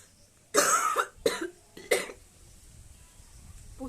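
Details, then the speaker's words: Acted coughs in a coughing challenge by a woman who says she coughs a lot, almost all night: three forceful, harsh coughs in quick succession, the first the longest, in a quiet room. "আজকে সেটা হচ্ছে যে কাশবো, কতক্ষণ কাশতে পারি, calf challenge."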